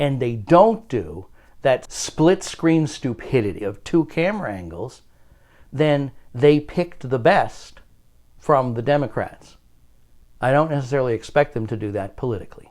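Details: Adult male speaker; normal speech.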